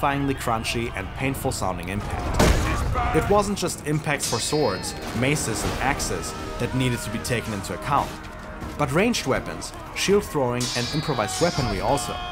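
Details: Adult male narrator; Normal speech.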